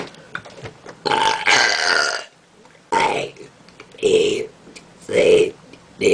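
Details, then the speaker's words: Deliberate voluntary burping, burping letters of the alphabet, done without having drunk soda: several loud, drawn-out belches, some voiced like words, with short quiet gaps between them. "And I'm going to burp for y'all cuz I'm really bored and I'm losing."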